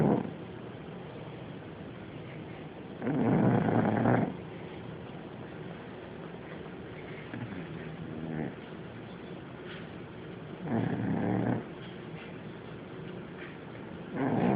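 Loud rattling snores with quiet gaps between them; snoring during sleep.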